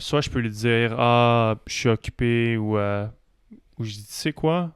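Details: Adult male speaker; typical speech.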